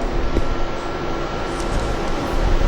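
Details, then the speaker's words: Ultrasound Doppler at around 9 weeks of pregnancy, low steady whooshing pulses: early fetal heartbeat. "And we can trace the heart beat also. Actually we can listen actually."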